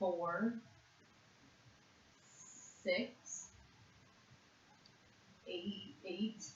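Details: Severe conduction aphasia in a 56-year-old woman after a single stroke to the left hemisphere in June 2012, worse with stress; word fluency task naming animals in one minute; conduction aphasia.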